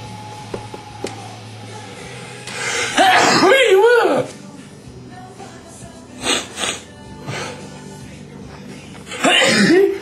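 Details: Two sharp, loud sneeze bursts a few seconds apart, with music and room noise in the background; sneezing.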